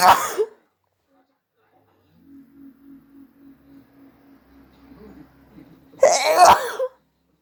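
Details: Hay fever or cold sneezing with nose blowing, some sneezes induced and some not, with an itchy nose: a sharp burst, a soft stuttering in-breath, then a second explosive sneeze.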